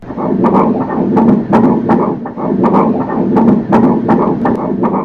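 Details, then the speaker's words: Fetal heartbeat on Doppler at a second-month, first-trimester checkup: fast, regular whooshing pulses, about 164 to 174 beats a minute, strong and normal fetal heartbeat. "Honestly, I almost cried when I heard those sounds. This is so unreal. So baby, your heartbeat is super normal."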